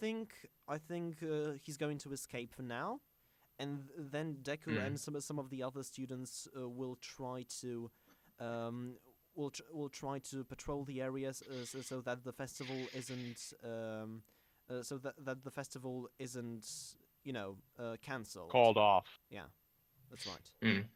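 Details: Self-described stammering male podcast host whose show combines a podcast with speech therapy; stuttering.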